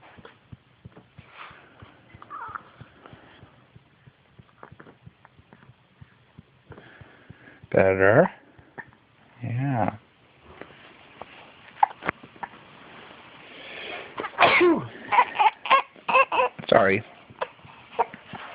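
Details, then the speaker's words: Baby boy with hiccups getting uncomfortable: two short bursts of infant crying, then fretful fussing in a quiet room; infant cry. "Uh-oh. No crying. He's getting uncomfortable."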